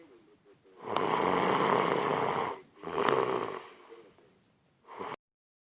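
Very loud, harsh, rattling snores, two long ones and a short third, each filling the breath; heavy snoring.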